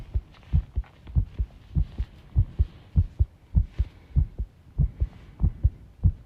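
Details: Self-recorded heart sounds with arrhythmia, taken while tidying a room: low paired heartbeats about 98 a minute with uneven spacing, an irregular rhythm; some background rattling.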